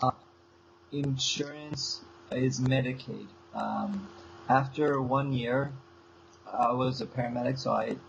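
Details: Adult man with aphasia since a stroke seven years earlier, still in speech therapy four times a week. Aphasia.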